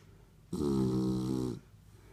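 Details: Five-month-old Shar Pei snoring while asleep: a single loud, drawn-out snore of about one second with a buzzing low rumble.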